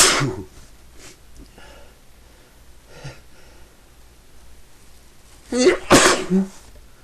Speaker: I have to sneeze. Sneeze again. I can't. I've been sneezing all day. Can't stop.